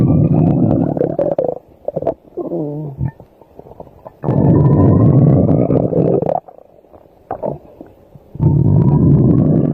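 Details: Long, loud low rumbling and gurgling bursts with quieter pauses between them, recorded while the subject sleeps; ordinary stomach growling (borborygmi) from digestion.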